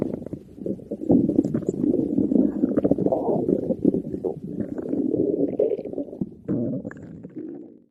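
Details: Long, loud, continuous gurgling growl from the belly: stomach growling, borborygmi.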